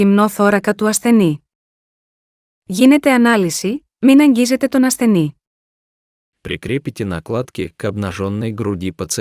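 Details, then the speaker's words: English voice prompts from a Defi5s Extra AED with ECG display: "attach pads to patient's bare chest, do not touch patient, analyzing heart rhythm, please wait"; AED voice prompts. "attach pads to patients bare chest do not touch patient analyzing heart rhythm please wait"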